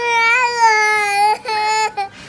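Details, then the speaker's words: Infant crying in pain during ear piercing for earrings, told it's just like an ant bite: loud, high-pitched sustained cry with a brief break, then a second wail. "It's okay yung ears niya it's okay it's just a bite of a ant Just It's just like a bite"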